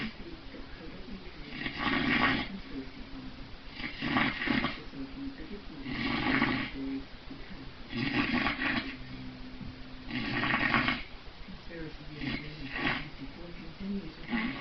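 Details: Extremely loud snoring, reported at 135 decibels: loud, rattling snores at regular intervals, about 28 a minute, with quieter breathing between them.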